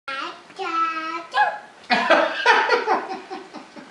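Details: A drawn-out voiced 'aah' build-up, then a sudden forceful burst with fading breathy sounds; a single sneeze.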